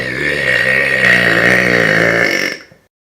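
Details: Deliberate loud burp: one long, loud, rumbling belch lasting over two seconds that fades out at the end; voluntary belching.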